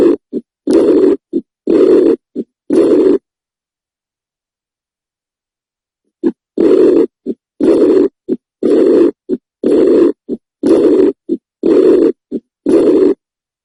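Heartbeats at about 60 a minute, each a long, harsh, rumbling sound followed by a short, softer thud, with a gap of a few seconds partway through. The prolonged noise filling each beat fits a heart murmur, turbulent blood flow through the heart.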